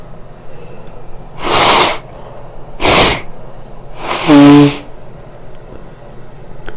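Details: Three loud, explosive sneezes in quick succession, the last one voiced; a powerful sneezing bout, followed by a crusted, bleeding nose; sneezing.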